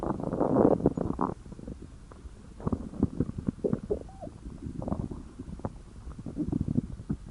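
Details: Irregular low gurgles, bubbling rumbles and a brief squeaky tone from an adult's belly when hungry; stomach growling (borborygmi).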